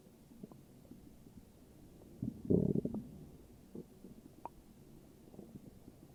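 Soft gurgling and rumbling with one louder burst in the middle; ordinary stomach growling.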